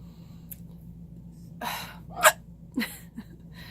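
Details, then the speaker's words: Several short, abrupt catching sounds, one especially sharp and loud, from a person with spontaneous hiccups recorded in a quiet room; hiccups. "don't get the hiccups often but I actually got the hiccups two times a day and I just thought to myself to record"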